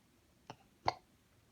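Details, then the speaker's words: A soft catch then a sharper, abrupt throaty hic in a quiet room from a young child talking with her mother, audio only: hiccup. "said that's a hicup what what is it a hicup yeah where where is the hiccup in my mouth hiccup's in your mouth"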